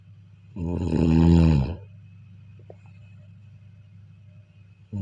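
A deep, rattling snore on one breath, then quiet breathing before the next snore begins. This is ordinary sleep snoring.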